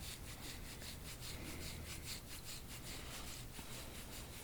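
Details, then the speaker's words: Rasping strokes of an instrument scraping soft tissue around the shoulder, for right-sided tightness after whiplash and falls from horses; marks appear on the skin as scar-tangled tissue is combed out. "just injuries that heal with tangles. So we have to comb the tissue to untangle it. Just a faster way to get it done."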